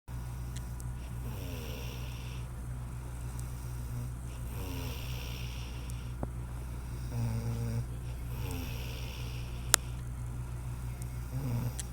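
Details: Person (sister) snoring softly and rhythmically under a steady low hum, with a brief rattling snore about every three seconds.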